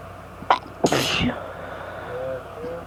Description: Allergy fit with random sneezes and my husband blessing me :)